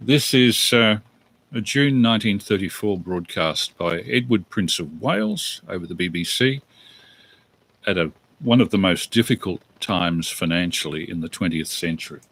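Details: Adult man; normal speech.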